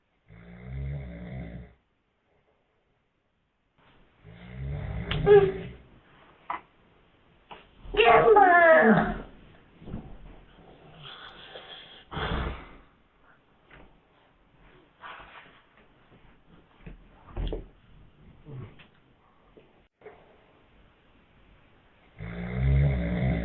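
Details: A sleeping dad gives loud, low, rattling snores, interrupted by a slap and other vocal noise: snoring.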